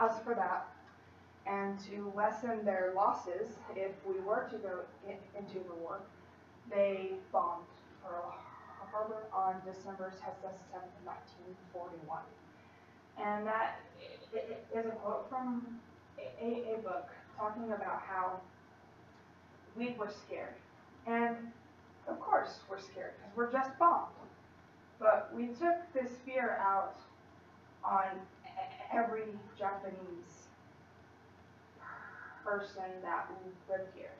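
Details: Female college student who stutters, in speech-language therapy with a fluency technique she sometimes struggles to use, giving a practice presentation to 10-15 people at her clinic, trying not to avoid or substitute words; she stutters more before unfamiliar people or large audiences; stuttering.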